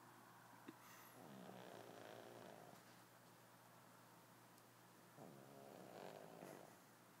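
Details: Pug puppy sleeping after a big day: faint, rough, rattling breaths repeating in slow cycles against steady room hum; snoring.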